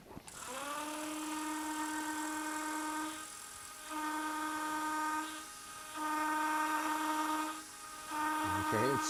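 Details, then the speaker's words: Dental implant placement, lower first bicuspid area, OCO Biomedical system: high, steady motor whine in four bursts with short pauses as the stop-equipped pilot drill goes to the bottom of the countersink, final depth. "we're then going to have to go back in with our the pilot drill now the pilot drill has a stop on it that will go down to the bottom of the uh countersink hole"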